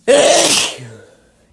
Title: Wet Sneezes M